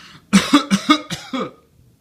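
A rapid run of five short, harsh coughs from an adult, heard over a quiet phone line.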